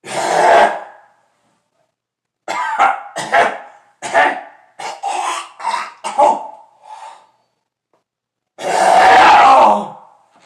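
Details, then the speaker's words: Adult coughing mixed with laughter: an opening harsh burst, rhythmic laugh pulses, then a long cough and throat clearing; cough with laughter. "Stop. Enough. >> [laughter] [cough and clears throat]"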